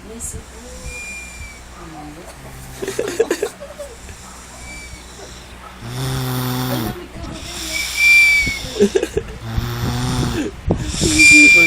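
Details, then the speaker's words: Baby snoring, with a thin high whistle through the nose on several breaths; background talk. "Hwag kang maingay sumisipol sa ilong Tingnan mo"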